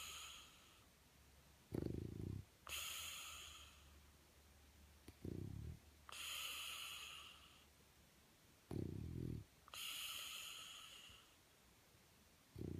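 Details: French bulldog sleeping on his back under the covers, eyes wide open and not sedated: rhythmic snorting snores on each inhalation, each followed by a hissing exhalation, about 17 breaths a minute. Flat-faced dog snoring.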